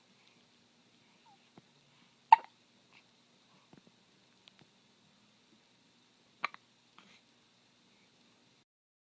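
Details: Two sharp hiccups about four seconds apart, with faint clicks and small noises in a quiet room; hiccups.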